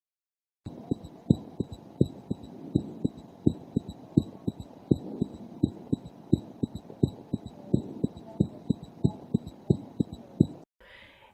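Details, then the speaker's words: Paediatric cardiac auscultation teaching example: regular heartbeat near 85 a minute with an extra soft low sound after S2, best heard at the apex (left ventricle) or left lower sternal border (right ventricle); S3 gallop. "An S3 gallop is best heard at the apex if produced by a dilated or dysfunctional left ventricle or along the left lower sternal border if produced by a dilated or dysfunctional right ventricle."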